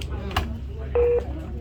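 A single steady, mid-pitched electronic beep lasting about a quarter second, heard over low room noise with a brief click just before. This is the defibrillator's charge-complete tone: the device is ready to shock, so compressions stop, paddles are placed, the shock is delivered and compressions resume immediately.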